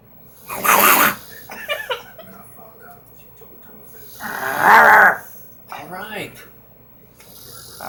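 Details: Mother snoring: loud, rough snores on two breaths, each followed by a softer rattling sound, with quiet room noise between.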